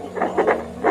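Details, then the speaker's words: Handheld pocket fetal Doppler demonstrated on an adult's own heart rather than a pregnant abdomen; short whooshing pulses of blood flow heard: Doppler heartbeat sound. "Heart का साउंड आ रहा है। तो इस तरीके से इसको यूज करना है।"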